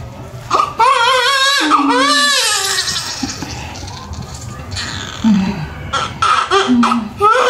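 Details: Strong, rhythmic crying from a newborn just after a normal vaginal birth with the cord coiled, with adult voices and room noise; a normal vigorous first cry.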